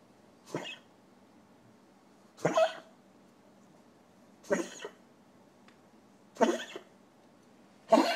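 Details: Dog cough: five short, harsh, hacking coughs spaced about two seconds apart, each a quick burst.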